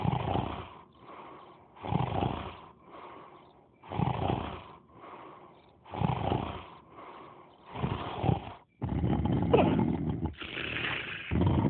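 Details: Cartoon snoring sound effect from the animation Larva: loud, rhythmic snores on the in-breath, each followed by a softer out-breath, about 16 breath cycles a minute.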